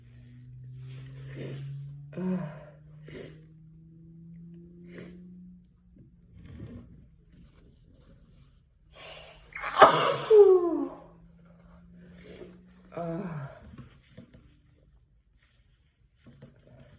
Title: Sneezing my ass off right now